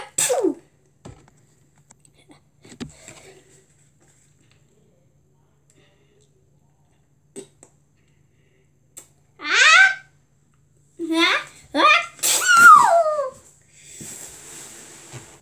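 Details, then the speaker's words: Sick young child gives several short, sharp voiced sneezes with pauses between, in a quiet room: sneezing. "why do i keep sniff snooze i think that's gonna be a bad sneeze why do i keep sneezing"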